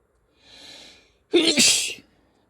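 A soft breathy intake, then one sharp, forceful sneeze burst.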